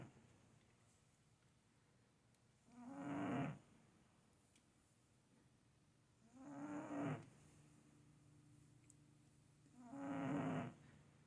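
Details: Cat snoring while asleep: three soft, buzzing snores about every 3.7 seconds, roughly 17 breaths a minute; harmless snoring.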